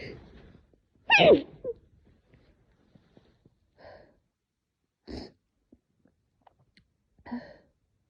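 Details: Adult with severe cat allergy, woke after cat slept on pillow, face burning, eyes swollen, runny nose: one strong sneeze then a few softer sneeze-like bursts and sniffs in a quiet room; allergic sneezing.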